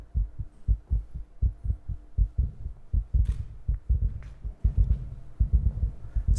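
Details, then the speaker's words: A lecturer's own heartbeat, with deep, regular thumps at about 80 per minute, soon overlapped by many other heartbeats, presented as the audience's joining in, in a dense rhythm; heartbeats. "The sound you can hear now is actually the sound of my own heartbeat. And if you listen carefully, you can hear all of yours joining in."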